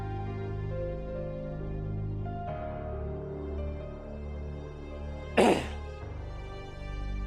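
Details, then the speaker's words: One short, forceful throat-clearing cough from an adult, who says they must cough hard to clear their throat, heard over soft background music. "you heard my embarrassing cough oh no oh no you can hear that the force with which I have to cough in order to [ __ ] clear this [ __ ] out of my throat I [ __ ] hate it"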